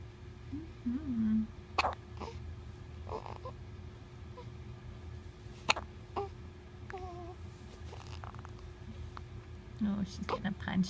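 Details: Hiccups: about five sharp, brief clicks at irregular intervals over ten seconds, with soft voices and steady room hum behind; hiccups.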